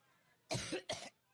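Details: Adult woman giving a Labor Day campaign speech in Cleveland coughs: two harsh, forceful bursts in quick succession, part of a coughing fit attributed to seasonal allergies.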